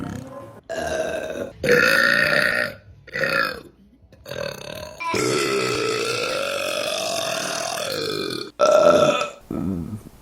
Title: Burping Compilation September 2023 #1 | RBC